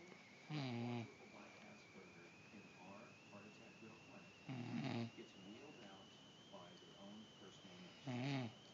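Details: Mother snoring: rough, fluttering snores, three in about nine seconds, with a steady background hum and faint breathing between; snoring.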